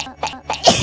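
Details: Vtuber sneeze: two brief catching sounds, then a sharper, louder burst of air; a single short sneeze.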